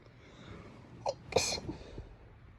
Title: くしゃみ sneeze